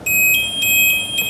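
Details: Warning alarm from the insulin pump of a child with type 1 diabetes, recorded as source sounds for music: repeating two-tone electronic alarm tones.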